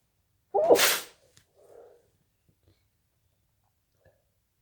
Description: More induced sneezes with false starts and nose blowing at the end